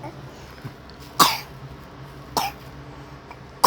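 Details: Three sharp, short coughs about a second apart over steady room noise from a child who keeps coughing, recorded while being coaxed to eat and take medicine; cough.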